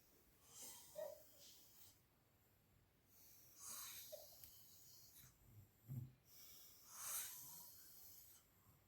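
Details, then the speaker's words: Friend deeply asleep in a hotel room in Arunachal in the morning, keeping the speaker awake: quiet, irregular snoring breaths with snorts and hissing, faint room noise; snoring. "आज मुझे कहना है कि किसी को ऐसे कमीने दोस्त ना मिले जो साला सुबह : बजे खुट नाक बजा बजा कर घोड़ा बेच के सो रहा है लेकिन मेरा नींद हराम कर रहा है"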